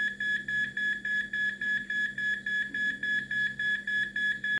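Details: Monitor alarm in pulseless ventricular tachycardia: rapid, regular beeping at about 210 per minute.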